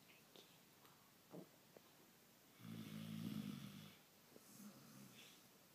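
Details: Bear snoring before being woken: one low, rattling snore lasting about a second and a half, with faint quieter breath noises in a quiet room.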